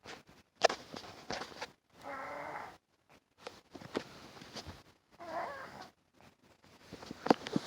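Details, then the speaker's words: Rough, rattling snore-like breaths about every three seconds between soft clicks and room sounds, from a sick cat recorded around 12:30 at night; owner says she can barely breathe and medicine isn't helping much: snoring. "My cat is literally snoring right now."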